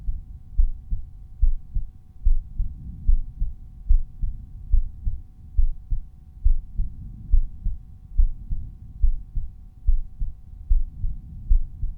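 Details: Resting normal heart sounds auscultated at the aortic area; volume normalized per point.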